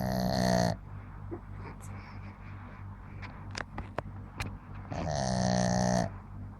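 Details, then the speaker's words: Small male pet dog sleeping soundly after a long day, snoring: two long, loud, droning snores with a steady low buzz, separated by quieter breathing and faint clicks. "после трудового дня мальчишка крепко спит о ночи не встал мужики отдыхают как он храпит вот так да вот так умеет храпеть"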